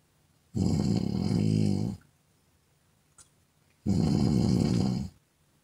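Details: Woman snoring, recorded as an ASMR sound effect: two long, loud, rattling snores about three seconds apart, each lasting over a second, with quiet between them.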